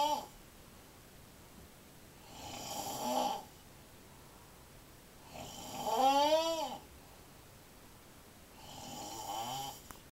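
Three snores about every three seconds, buzzing and rising in pitch, with quiet pauses between them.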